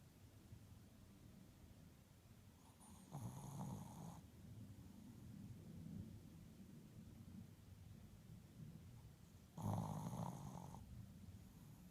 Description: My #puppy #passed-out and #snoring! She's a keeper!